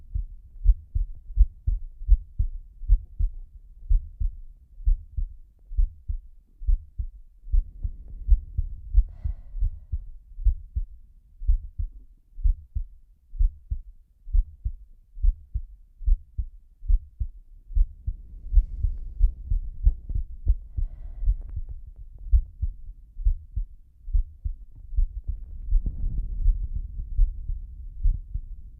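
Steady, unhurried heartbeat of soft low thumps, with slow swells of heavy breathing rising over it.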